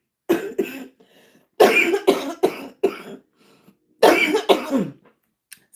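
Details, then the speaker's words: Adult woman with lupus and anti-Jo-1 antibody lung involvement, never a smoker, speaking live: about eight harsh, forceful coughs in three quick bouts with brief quiet gaps; chronic cough. "So that's why you'll hear me be um coughing and you'll hear tell people say get something to drink cuz they hear it."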